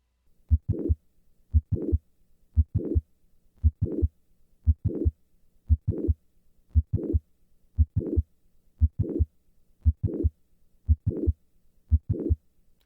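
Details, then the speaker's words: Recorded at the apex: regular heartbeat near 58 a minute with a mid-systolic click and late systolic murmur, typical of classic mitral valve prolapse. "this systolic click and late systolic murmur are typical for classic mitral valve prolapse"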